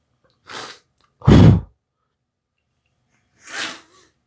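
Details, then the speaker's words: Three short sneezes separated by silence, the middle one loudest; sneezing. "hang on I'm gonna sneeze well for Scarlett's birthday terrible twos I I'm ready for my sneeze to come for Scarlett she's turning terrible twos"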